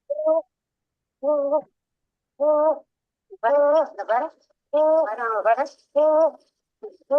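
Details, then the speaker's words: 3-year-old girl in the ER with tachypnea and sternal retractions, before adrenaline nebulization: harsh, high-pitched, monophonic crowing on each breath in, about 50 a minute. Inspiratory stridor, most probably croup. "There is sternal retractions, and we can hear a very harsh, high-pitched, monophonic inspiratory sound. So it is most probably a case of croup, and this sound is called stridor."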